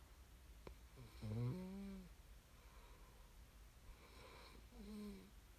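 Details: Two rough, low-pitched vibrating snores on inhalation about three and a half seconds apart, quiet breathing between, in a quiet room: snoring during sleep.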